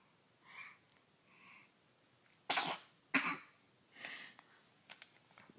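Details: Sneeze-like cough, a habitual one the owner says she always does: two sharp explosive bursts with softer huffing sounds before and after.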